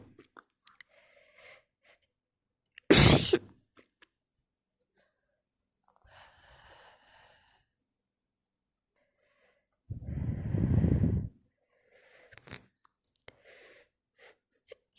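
A sharp explosive sneeze, then a longer wet, noisy burst with sniffing and small snuffles between; a bout of repeated moist sneezes.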